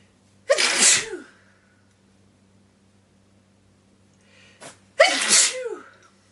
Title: Sneeze19